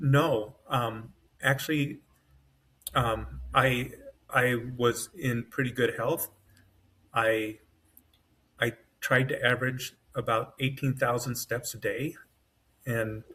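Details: Adult man with self-rated mild to moderate aphasia (severe on waking) after an AVM brain hemorrhage, surgery and a 10-day medically induced coma, with right-side paralysis and foot drop; word-finding trouble, brain faster than mouth; aphasia.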